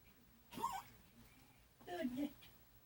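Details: Pet Darby with airway inflammation diagnosed by an internal medicine specialist after tracheoscopy, treated with inhalers: two short harsh coughing bursts, chronic cough from inflamed airways.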